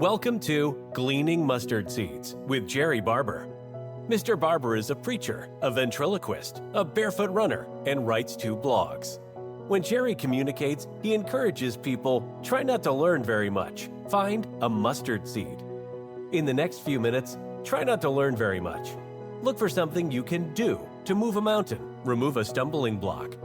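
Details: Adult male narrator; normal fluent speech.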